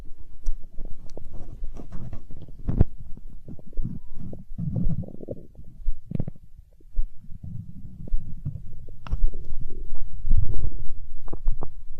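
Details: Hunger stomach growl in an ASMR recording: low, irregular gurgles and rumbles from the belly throughout, ordinary bowel sounds (borborygmi).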